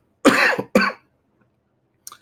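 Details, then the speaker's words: An adult speaker coughing badly during a spoken literature revision lesson, with a hoarse voice. "because I'm sorry for my voice coughing very badly"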